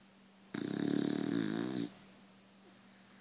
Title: Beagle snores